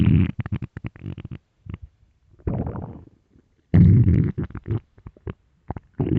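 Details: Person wondering if hungry; loud low gurgling rumbles in bursts with short pops from the belly. Stomach growling (borborygmi).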